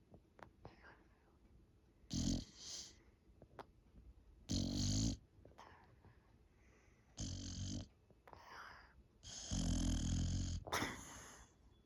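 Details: Sleeping female Boxer dog snoring: four loud rumbling snores on breaths in, with quieter breaths out between; ordinary snoring.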